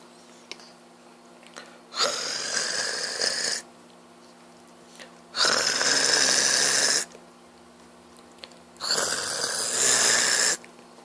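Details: Snoring from a sleeping adult man, a father: three loud, harsh inhalation snores, each lasting over a second, at about 17 breaths a minute, with a steady room hum behind.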